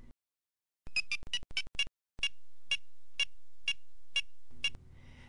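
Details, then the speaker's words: PediGuard handheld wireless pedicle probe during spinal screw-hole preparation: medium-pitched beeps at a moderate steady rate, about two per second, signalling that the tip is in cancellous bone beyond bleeding bone. "Petty guard will give a high pitch fast Cadence until the tip is beyond the blood and is in contact with cancellus bone which gives medium pitch medium Cadence"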